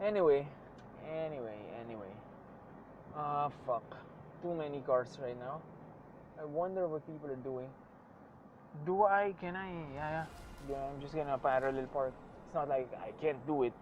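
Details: Man who says he sometimes stutters; stuttering.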